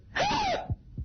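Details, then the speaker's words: Loud, abrupt, high-pitched whooping hiccup followed by brief low thuds, from a woman with intractable hiccups since June 2006, with right arm shaking that doctors think may be related; persistent hiccups. "listen, these hiccups sound like JD. The hiccups sound like JD. It's like... Oh, yeah? Yeah, it's a pretty wild noise."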